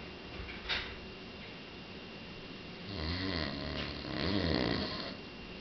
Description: This video does no justice .. there are no words for this man snoring!!! We were in the mountains and I thought a bear was in the house!